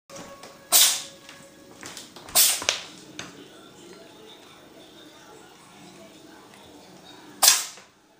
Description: This cat can stop sneezing.